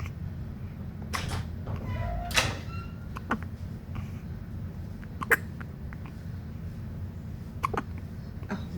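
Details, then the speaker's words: Infant (baby boy, wrapped like a burrito) with recurrent hiccups, possibly after eating: several brief, sharp catches at irregular intervals, five or six in under nine seconds, over low room rumble; hiccups. "no, he's got the hiccups again. Baby hiccups. I guess that means he ate something."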